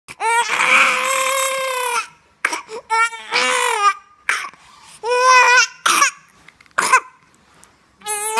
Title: Cough 1